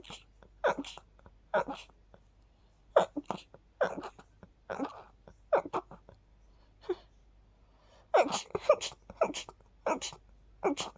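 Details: Sneezing while sleepy after sleeping with the window open, attributed to pollen: a long run of about fifteen quick, soft sneezes separated by short breaths in; repeated sneezing.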